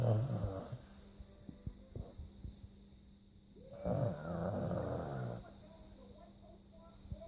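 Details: Small dog named Zoe snoring: loud, rough snorting snores with some clicks and background noise.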